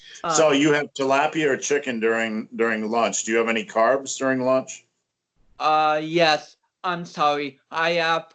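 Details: Adult man, conversational speech; typical speech.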